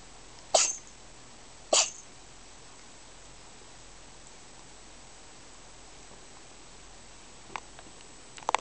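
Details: A cat sneezing by chance: two short, sharp sneezes over a steady background hiss, then faint clicks.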